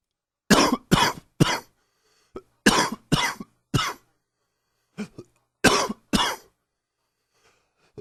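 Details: About ten harsh coughs in short bursts of two or three with pauses between; repeated coughing with bronchitis.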